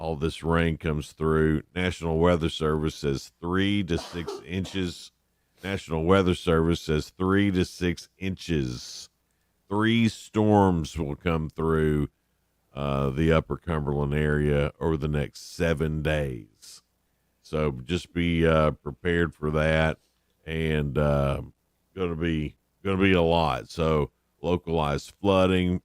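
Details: Adult male speaker; normal speech.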